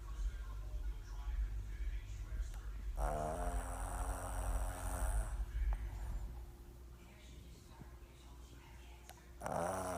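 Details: Two-year-old pug sleeping on a chair: loud, low, rumbling snore with a fluttering rattle over steady room noise; snoring.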